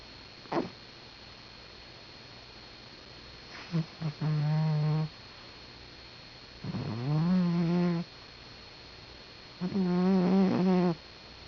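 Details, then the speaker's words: Sleeping cat snoring: drawn-out, buzzing, almost tonal breaths a few seconds apart over quiet room hum, described as noisy; the owner then wakes the cat. "Patty, wake up. Maybe. You were snoring."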